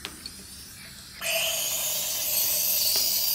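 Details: Nebulizer with simple mask (no reservoir bag) driven by oxygen tank tubing in an EMS demonstration: faint rustling, then a steady loud hiss as gas flow starts and the solution aerosolizes.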